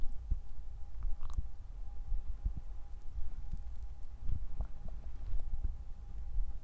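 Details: Loud stomach noises recorded while trying to capture hunger sounds: low rumbling, irregular gurgles and soft pops from an adult abdomen over a faint hum; ordinary digestive bowel sounds (borborygmi).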